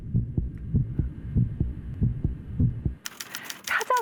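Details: Simulated pulsatile tinnitus, described as objective tinnitus: regular paired heartbeat-like thumps at about 100 a minute, then typewriter-like clicking.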